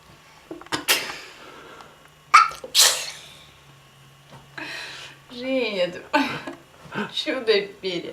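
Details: Young girl with about three sharp, explosive sneezes, each preceded by a quick intake of breath, then short vocal sounds; child sneezing.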